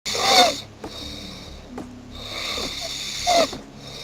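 Noisy, rough snoring breaths, two loud snorts about three seconds apart with quieter breathing between them.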